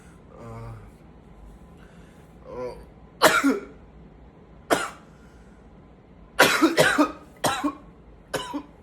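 Soft groaning, then a run of about six loud, harsh coughs in quick bursts with pauses between: a tiring repeated coughing fit.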